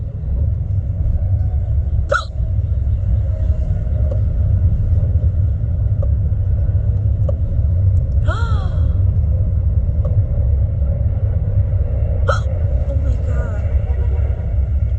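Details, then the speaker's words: Woman with deep, embarrassing hiccups while riding in an Uber: four sharp hiccups over fifteen seconds, some with a brief voiced squeak, over steady low road rumble from the moving car. "I'm sorry. I have any hiccups. It's a problem. Sorry. It's just embarrassing."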